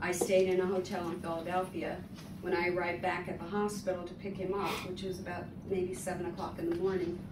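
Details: Adult woman; typical speech.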